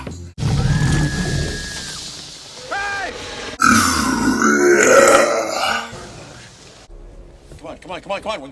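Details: Long, loud, rumbling belches dubbed in place of T-Rex roars in a Jurassic Park film scene, over film music and effects; burping for comedy.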